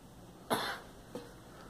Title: Girl coughing